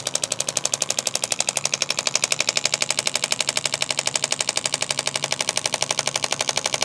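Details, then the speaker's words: Radial shockwave therapy device on a university student's shoulder for pain from carrying a heavy backpack, first-time treatment; rapid, steady percussive pounding about four strikes a second. "You can hear that very percussive pounding back and forth of that instrument."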